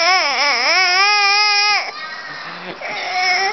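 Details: A baby boy crying: a loud, high, wavering wail, a catch of breath, then another cry starting.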